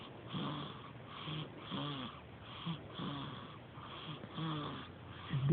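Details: A baby girl, two days short of one month old, breathes noisily and rhythmically with a soft rattling snore on each breath, about a dozen breaths in five seconds; infant snoring.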